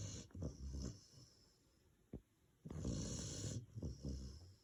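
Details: Doberman dog snoring: deep fluttering snorts on breathing in and out over a few seconds.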